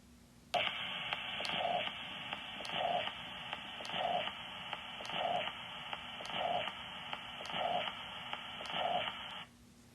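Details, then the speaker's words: Holosystolic murmur of mitral regurgitation, best heard at the apex radiating to the axilla: muffled S1 and S2 about 50 a minute, with a murmur constant in intensity filling all of systole. "the characteristic murmur of mitral regurgitation is hollow systolic and best heard at the apex over the mitral valve area with radiation to the axilla and here's how that sounds"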